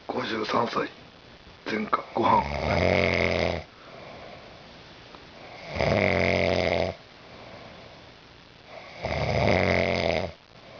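Loud, rough, rattling snores on each breath in, about every three and a half seconds (roughly 18 a minute), with quiet breathing between.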